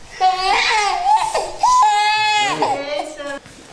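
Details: Baby boy, 69 cm, 9.2 kg, sick and teething, at doctor's visit for annual vaccination: loud, high-pitched wailing cry in strong bursts with background talk.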